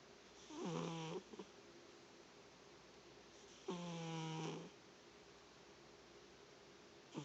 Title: My cat Hermit Crab SNORING!